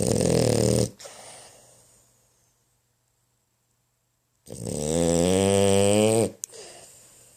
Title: super snore dream